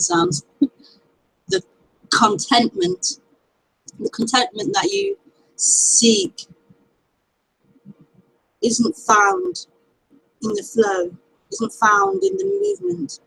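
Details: Stuttering in an adult woman who often stammers on k sounds, with a possible block before a k-initial word.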